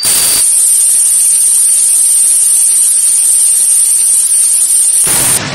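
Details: Simulated tinnitus: a steady, piercing high-pitched whistle with hiss imitating ringing in the ears.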